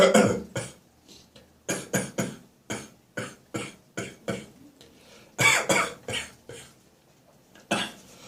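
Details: Morning cough with catarrh on waking: repeated harsh, wet coughs in clusters with throat clearing as mucus is cleared once up and about: productive cough with throat clearing.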